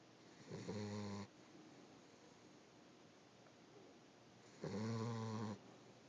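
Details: Loud, buzzy snoring from a boxer/pitbull mix puppy: two snores a few seconds apart with quiet breathing between them.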